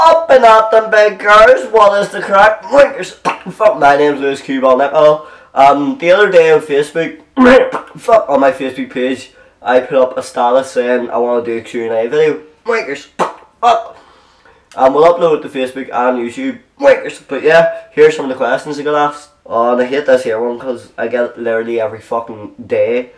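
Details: Vocal tics from Tourette syndrome in a creator: involuntary sounds, including vulgar words, left unedited; real, not acted.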